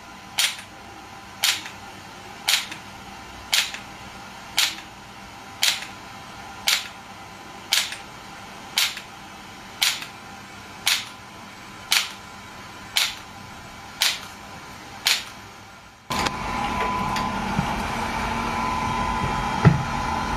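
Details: Shockwave therapy device (SW5S, used for ED and plantar fasciitis) firing during a session: sharp, evenly spaced clacks about once a second, fifteen in all, then a steady hum.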